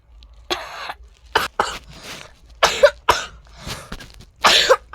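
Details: Several loose, harsh coughs in short bursts with throat clearing in a quiet room, from a person who is very sick with vomiting, a runny nose and a headache, resting at home in their bedroom.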